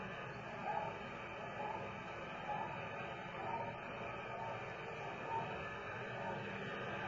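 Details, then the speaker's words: A dog's heartbeat in Sputnik 2, radio telemetry recorded November 6, 1957: faint beeping pulses in heavy hiss, about 65 a minute, with ten clear beats spliced and repeated despite aurora fading; rhythm breaks at the splices. "e heartbeat of Micah, the dog, in Sputnik number 2, recorded on November 6, 1957. Fading was quite severe that night on account of Aurora Borealis display, so we have taken 10 good clear heartbeats, repeated it several times, and spliced them together."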